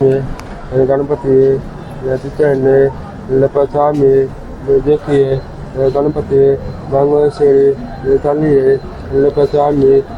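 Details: 17-year-old boy with hearing and speaking problems since childhood, previously nonspeaking and using gestures, a fitted device did not help; faltering, stammering chanting; indistinct, faltering speech with hearing loss.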